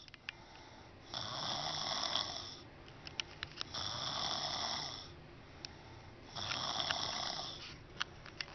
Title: Snoring with mouth open